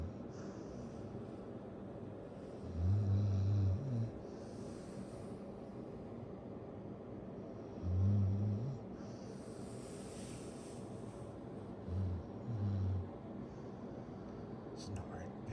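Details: Pit bull dog asleep on a leg: low, rumbling snores about every four to five seconds over steady background hum; ordinary snoring.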